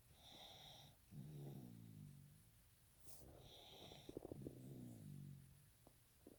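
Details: Sleeping baby: slow rhythmic snoring, two long breaths with low rumbling snores on the out-breath and a faint whistle on the in-breath; baby snoring.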